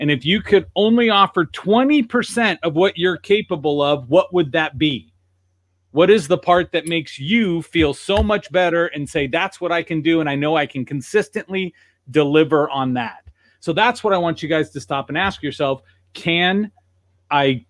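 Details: Adult male speaker; no speech disorder.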